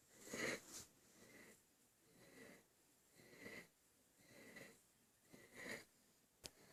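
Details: Infant breathing hard: noisy, effortful breaths with a whistling, snuffly edge, about 50 a minute; laboured breathing.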